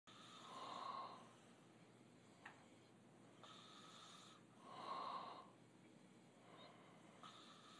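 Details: Two young men sleeping with open mouths: slow, airy snoring breaths rise and fall over a steady background hiss; this is breathy open-mouth snoring during sleep.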